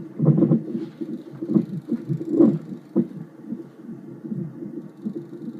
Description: Unborn baby with hiccups